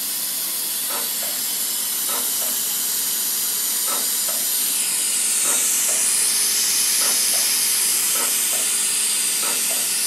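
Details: DEKA CO2 dental laser (level four, frequency 50, tip cutting power to about 5 W) treating cold sore blisters, drying vesicles one at a time; steady loud hiss with faint regular clicks.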